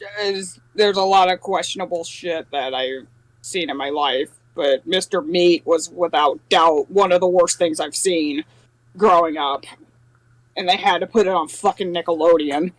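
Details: Adult speaker; normal speech.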